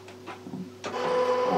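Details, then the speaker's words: Phoropter lens change during a real eye examination at an optometrist, lenses one and two compared for dot clarity: soft mechanical clicks then a brief whirring rattle as lenses switch. "going to place two lenses one and two i'd like you to tell me which one makes the dots any clearer for you"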